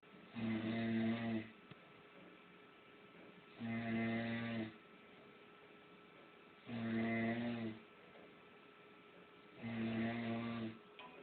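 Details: Man asleep on a sofa snoring: regular deep, rumbling snores about 20 a minute, each about a second long with quiet pauses, faint mains hum; ordinary snoring.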